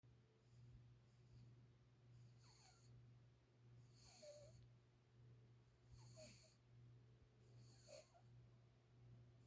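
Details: Sleeping cat snoring very loudly: soft whistling, squeaky snores with each breath, about four in ten seconds, over a steady low background hum; snoring.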